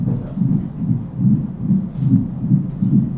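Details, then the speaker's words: Cardiology lecture example: regular heartbeat near 74 a minute with a low rumbling murmur filling the diastolic pauses, as in mitral stenosis: diastolic murmur. "And then here's what a diastolic sounds like. [Music] This is what you would see with like mitro stenosis."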